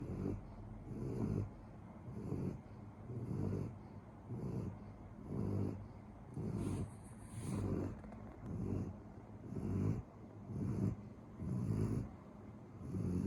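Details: German Shepherd dog snoring: steady, rhythmic rattling snores at about 14 breaths a minute, with a faint high-pitched background hum.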